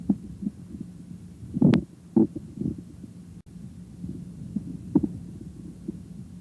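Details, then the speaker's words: Abdominal exam, stethoscope diaphragm placed lightly on the right lower quadrant over the ileocecal valve: irregular soft gurgles and clicks; normal bowel sounds, heard before percussion and palpation. "assess bowel sounds in all four quadrants determine if the sounds are normal hyperactive hypoactive or absent"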